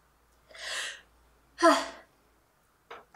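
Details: A model's sneezing, sample recording made with the model's permission; sneeze.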